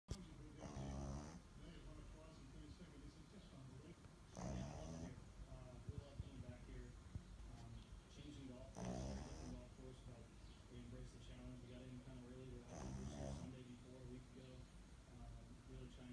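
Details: 10-week-old Bulldog puppy asleep, snoring: four loud rattling snores at regular intervals, about 15 breaths a minute, over a low steady background hum.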